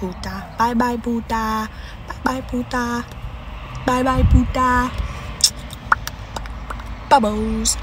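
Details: Woman with Tourette syndrome producing repeated vocal tics; vocal tics (Tourette syndrome).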